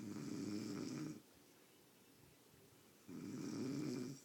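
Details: Two low, rumbling snores with a quiet pause between them, from a person in deep sleep; ordinary snoring.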